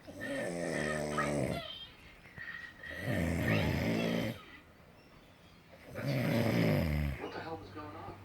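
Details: Sleeping snorer: loud, rattling snores on each breath in, three cycles at about 21 a minute with quieter breaths out between.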